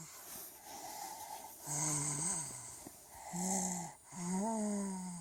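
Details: Sick young girl with a cold snoring through a blocked nose, with whistling, squeaky, ET-like tones riding on each breath over nasal snoring sounds.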